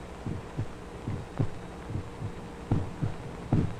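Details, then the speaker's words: Recording of a heartbeat used to train students in what to expect on listening to the heart: regular paired lub-dub beats, about 80 a minute, with a louder, slightly rumbly first sound over low hiss; normal heart sounds at the aortic area. "this is uh for doctors to train students as to what to expect when they listen to a heart this is a heartbeat this a recording of a heartbeat yes"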